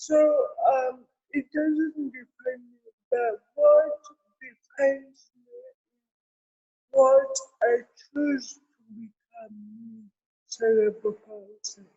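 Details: Adult woman with cerebral palsy; dysarthria.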